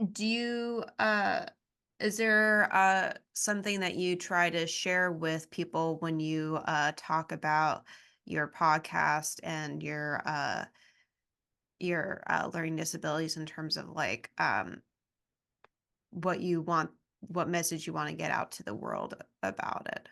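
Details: Adult speaker; ordinary speech.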